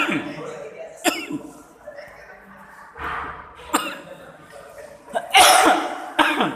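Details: Repeated harsh, throaty coughs, about five bursts, with throat clearing and breathy sounds between, from a man (pak haji).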